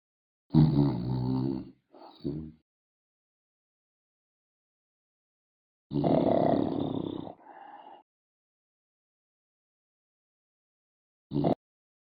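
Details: Loud, rough, low-pitched snoring breaths with a brief snort, separated by long quiet pauses; noisy breathing during sleep, snoring.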